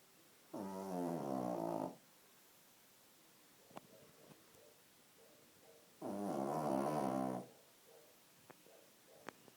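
Two long, low, buzzing breaths with quiet pauses between them: a dog snoring.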